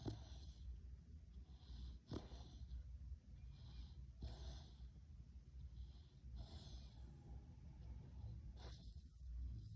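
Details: Sleeping dog snoring: slow, regular snorting breaths about every two seconds over a low rumble.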